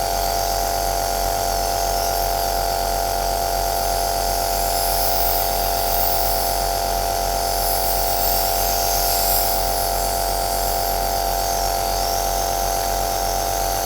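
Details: Aerosol nebulizer machine running, recorded as white noise: continuous steady motor hum with a fast, even pulsing rattle.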